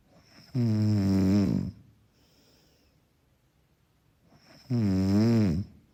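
Two long, low, rumbling snores on breathing in, separated by a quiet breath out; soft, mellow snoring.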